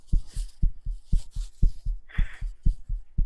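Regular paired lub-dub heart sounds at about 120 beats a minute, a fast but steady rhythm.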